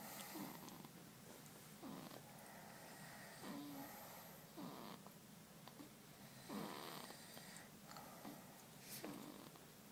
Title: Baby Snoring (September 2012)